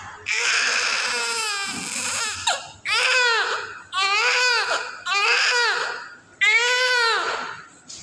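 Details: Newborn at birth: loud, vigorous crying in repeated wailing bursts with brief pauses for breath.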